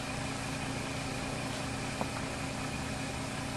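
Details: Portable suction machine running in a demonstration of sterile tracheostomy suctioning, before catheter insertion: steady motor drone with a faint steady tone throughout.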